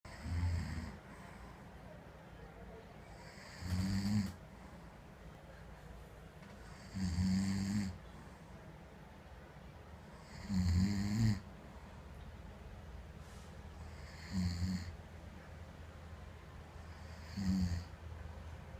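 Regular low rattling snores on each breath in, about 17 a minute, with quiet pauses between them. Ordinary loud snoring.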